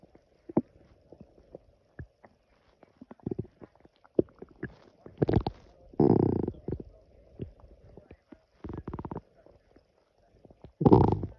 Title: Loud stomach growling after drinking coffee on an empty stomach prt 2